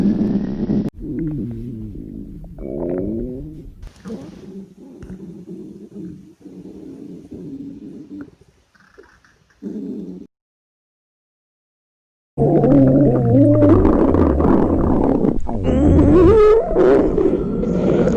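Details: Staged, imagined scenario of a high school girl who skipped breakfast before a school body measurement. Long, very loud, low gurgling and rumbling with wavering pitch from her empty stomach; hunger stomach growling (borborygmi).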